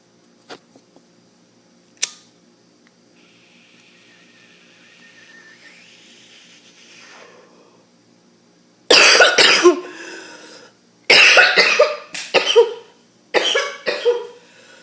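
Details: An adult breaks into a harsh, rough, choking coughing fit of about eight forceful coughs after a quiet stretch.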